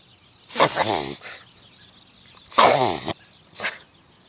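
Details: Reverse sneezing in a dog that started suddenly on a walk: two long, honking, snorting inward breaths, each followed by a brief short snort.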